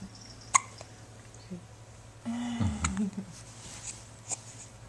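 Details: Infant boy's hiccups: three brief, sharp hiccup clicks a couple of seconds apart, with soft, cute baby vocal sounds between them.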